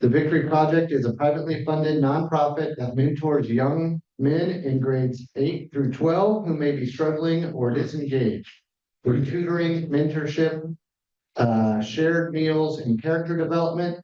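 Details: Adult man speaking; Normal speech.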